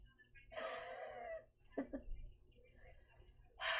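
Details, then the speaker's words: Adult with trouble breathing after humidity and heat exposure, recently sick and congested: loud, musical whistling breath about a second long, two short throaty bursts, then another noisy breath; audible wheezing. "I started having trouble breathing. Uh right now I'm like wheezing. I don't know if you guys can hear it."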